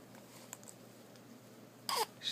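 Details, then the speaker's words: Infant daughter's hiccups in a quiet room: sudden short catching sounds. Her father later tried to scare the hiccups away, which failed and made her cry. "baby hiccups you got the hiccups say something it's not gonna do now cuz you got the hiccups"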